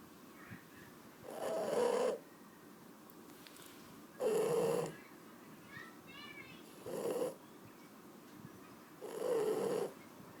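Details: Shar Pei dog snoring: loud, buzzing snores about 12 breaths a minute, rough flutter on each in-breath with quiet pauses between.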